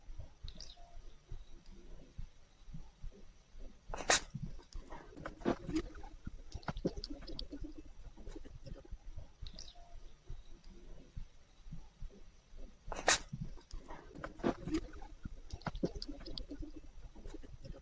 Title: Ежик чихает 1 минуту. Hedgehog sneezes.